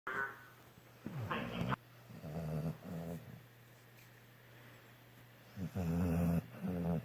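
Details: Sleeping dog snoring: low, growly snorting snores in short bursts, with a sharper snort early on.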